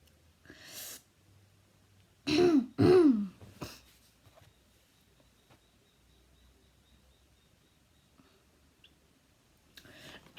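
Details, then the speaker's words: Quiet room, then three harsh, dry, honking coughs from a girl with a five-year chronic habit cough, coughing about a hundred times per minute, just before trying Dr. Weinberger's suggested therapy. "I usually call for what feels like a hundred times per minute and I've been coughing for the past five years so here I go"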